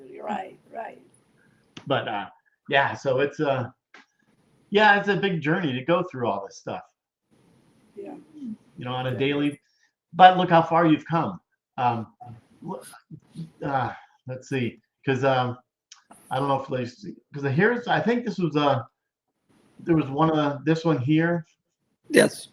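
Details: Aphasia in an adult male survivor of a severe stroke, more than a decade into stroke rehabilitation.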